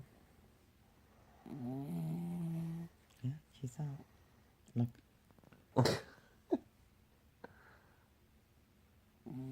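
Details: Female dog sleeping soundly beside her owner; one long, rattling snore, then several short snorts and snuffles in a quiet room; ordinary dog snoring.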